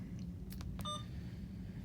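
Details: Alaris IV infusion pump being programmed, confirming the med-surg profile: a couple of soft clicks then a short electronic beep confirming the key press, over low room hum; infusion pump key-press beep.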